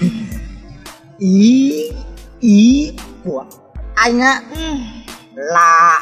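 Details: Acted stuttering by a young man in a Vietnamese comedy skit; stuttering (acted).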